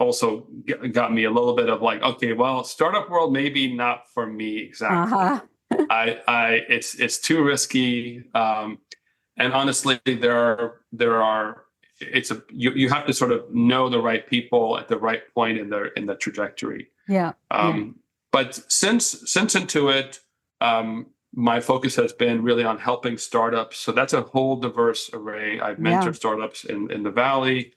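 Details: Adult man who has stuttered since childhood; he says it mostly faded over time but can still be heard a little; mild residual stuttering.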